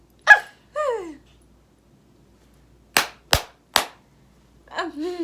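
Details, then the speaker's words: Tic attack with motor and vocal tics: sudden vocal outbursts including swearing, three sharp loud impact sounds, then more vocalizing. The person describes new tics where the neck gets stuck. "oh wow those are like new ticks where my neck will get stuck but it turns out I'm not the only one"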